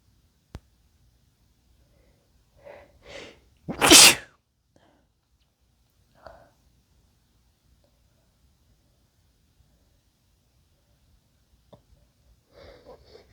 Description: male sneezes induced and wet